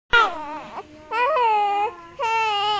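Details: Infant: three drawn-out, high, wavering cries separated by brief breaths; ordinary baby crying.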